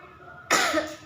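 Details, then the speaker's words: A 29-year-old woman, guided by a nursing student, gives one forceful, deliberate cough using her abdominal muscles after deep breaths, as an effective cough exercise to bring up phlegm. "kemudian ibu batukan sekencang-kencangnya dengan menggunakan otot perut Ya Bu seperti coba Ibu batukan sekeras-kerasnya menggunakan atau perutnya Bu begitu"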